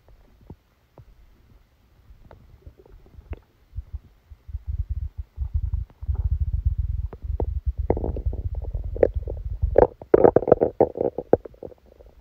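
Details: Gurgling, bubbling abdominal rumbles that build and crackle over several seconds: bowel sounds (stomach rumbling) during a stomachache after Christmas dinner, recorded while the person slept.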